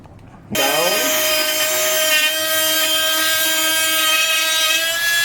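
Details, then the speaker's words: Powered burr cutting the medial slot of the trochlea on a saw-bone model during patellofemoral joint replacement, with a steady high-pitched whine running continuously; surgical burr. "Once that is done, the feet is pushed all the way down in order to stabilize it. And the same process is continued over the medial aspect where the bur is engaged into the slot"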